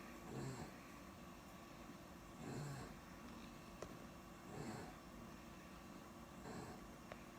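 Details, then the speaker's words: Sleeping young girl, just out of pediatric ICU, on oxygen, sedated with Ativan, with swollen vocal cords and airways: rough, low snoring noises with each breath, about 28 a minute, over machine hum: stertor. "She's got some swelling going on in her vocal cords and her breathing pipes, all that. It's swollen, so it makes it harder for the air to go in and out."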